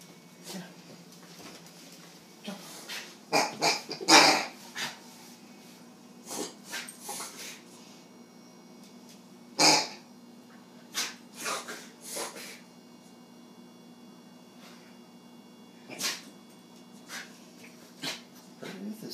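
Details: Dog: scattered, mild snorting and wheezy breath noises in short clusters; owner calls it very mild, the longest episode seen in this dog, though thinks it sounds like wheezing. Reverse sneezing.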